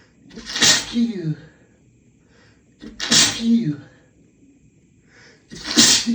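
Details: Sneezing fit after a shower, from allergies flared by the fragrance of hotel soap; a male sneezer (M) is indicated.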